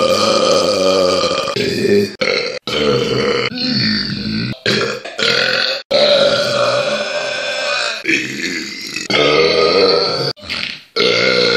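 Series of long, loud, voiced belches with brief pauses between them; repeated burping.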